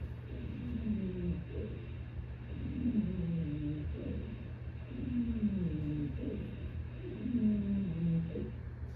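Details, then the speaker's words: A teaching demonstration of bronchospasm, as in asthma or COPD, plays musical, whistling expiratory wheezes with each breath, trailing through a prolonged expiration over a steady low hum. "yeah it sounds kind of like a your brother crying a little bit right right but that's the wheezing the and you hear how the expiration he goes prolonged expiration right it's because they're having trouble getting the air out"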